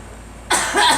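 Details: A single short, sharp cough from a young girl, prompted by an adult to clear suspected flower allergens; the adult says they hear wheezing.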